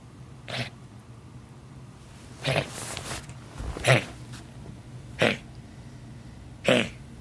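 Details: Pet straining to cough something up: five short, harsh cough bursts at irregular intervals.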